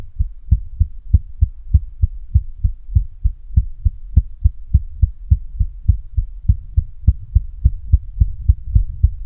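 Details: Adult female heartbeat with a pulse throbbing hard in the neck: strong, regular low thumps at a fairly quick pace with a faint steady hum underneath; heartbeat.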